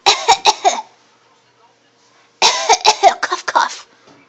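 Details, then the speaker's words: Young child coughing on request while eating puffs: about ten short, voiced coughs in two quick runs separated by a pause. "there it is there's that cough cough cough kof kof cof cough cough oh it's hard to cough with puffs in your mouth"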